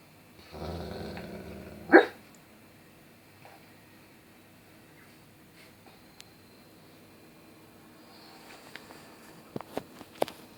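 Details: A dog snoring: one rough, rumbling snore ending in a sharp snort, then quiet breathing.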